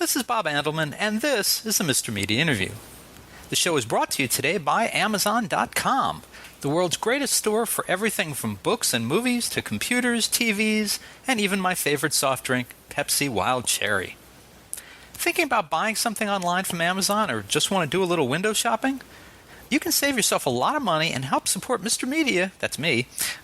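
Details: Adult male speaker; typical speech.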